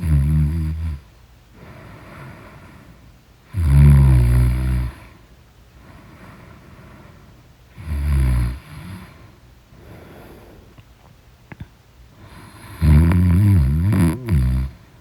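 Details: Snoring during deep sleep: loud, rough, low-pitched snores with each breath in, about four seconds apart, with quiet breathing between.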